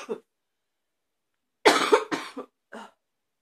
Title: #72 Barky cough